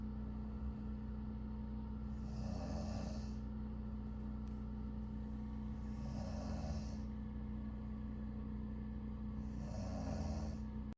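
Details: An adult woman, the girlfriend, snoring loudly like a diesel generator: rough, rumbling snores recur about every four seconds over a steady low background hum.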